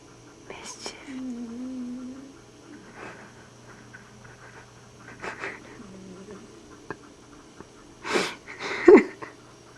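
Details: Sleeping cat snoring under a table: soft breathy snorts roughly every two and a half seconds, some trailing into a low whistling tone, over faint room hum.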